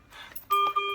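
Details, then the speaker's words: Brief electronic high-pressure alarm from a Servo ventilator, triggered on purpose in a demonstration simulating a kinked ET tube or circuit, coughing or secretions raising peak pressure (baseline peak pressure 21). "so for this video I'll show you like say if the ET tube was kinked or even the circuit or the patient was coughing or had secretions just notice what the peak pressure is they're 21"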